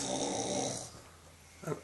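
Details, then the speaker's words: Woman who says she snores all the time and loudly: one brief, rough snoring breath followed by a short low sound; ordinary snoring. "I believe I do I snore all the time and it's really loud"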